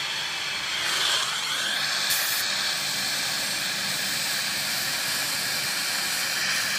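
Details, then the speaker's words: Indirect retainer bonding, demonstrated on a large model: steady loud dental water spray hiss with suction running, rinsing etching gel off after 15–30 seconds. "мы подождали от 15 до 30 секунд смиваемм"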